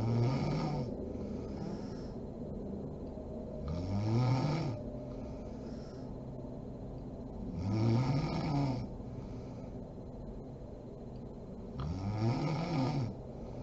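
Deep, rattling snores on each breath in, about 15 a minute, with quiet breathing between them. Ordinary sleep snoring.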